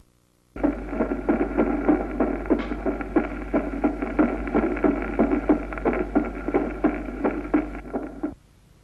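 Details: Regular lub-dub heart sounds through a stethoscope over a steady low hum in a classical cardiac examination; the crisper second sound, the "dub", is a normal second heart sound.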